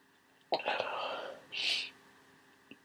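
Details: Someone with a cold who woke up sneezing and congested: a sharp gasp leading into a wet, spraying sneeze with a hissing tail in a quiet room; a very messy, wet cold sneeze.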